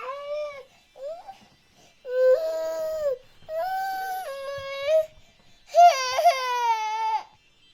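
Several bursts of high-pitched infant crying, sustained wails separated by short pauses, from a sound-effect compilation.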